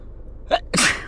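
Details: Person with a cold who can't stop sneezing: a quick in-breath, then one sharp explosive sneeze against faint room noise; sneezing.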